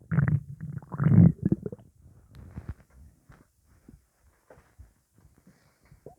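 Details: Low gurgling, bubbling belly rumbles after eating pizza, loudest at first then fading to soft squelches; gassy stomach rumbling (borborygmi).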